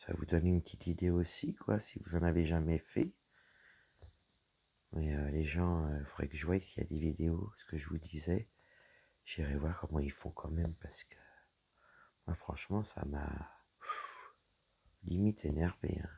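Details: Woman whose vocal cords were damaged by a serious health problem; her voice is deeper than before, at times she has little voice, and she cannot speak loudly; low-pitched, creaky voice; dysphonia.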